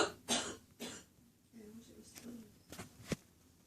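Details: Adult woman's mid-morning cough: two harsh, loud barking cough bursts, followed by quieter murmuring and clicks.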